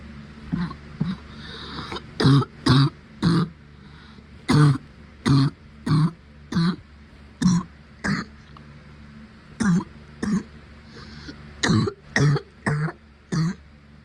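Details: Repeated short, dry, hacking coughs in quick clusters, about seventeen in fourteen seconds, from an adult with a first-time COVID-19 infection who also has a tight chest and uncontrollable sneezing.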